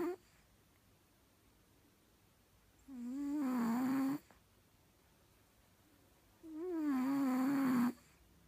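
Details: Cat snoring: two soft, drawn-out voiced breath sounds with a wavering tone, several seconds apart, in a quiet room.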